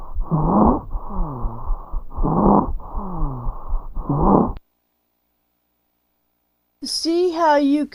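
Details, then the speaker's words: Stridor, NCLEX teaching example, signalling upper airway obstruction and an emergency: harsh, labored, painful-sounding noisy breaths with a coarse tonal edge, described as heard more on expiration than inspiration. "hear it more on expiration than inspiration and you see the urgency the the the the labored breathing the it just sounds painful"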